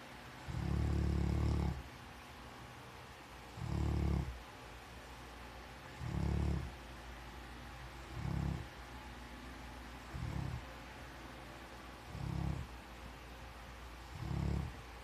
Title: My Dog Snores.